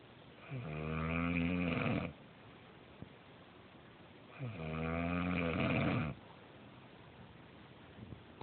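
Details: Adult woman (wife) snoring: two drawn-out, buzzing snores on breathing in, with quiet pauses between, about 15 breaths a minute, in a quiet room.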